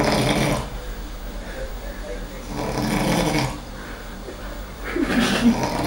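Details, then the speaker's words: Loud, rough snores with each breath from an adult man sleeping in a shared room, likened to a siren, with some room noise; snoring. "En ronflant. En train de dormir. Ah, On dirait ouais. une sirène. On dirait une sirène."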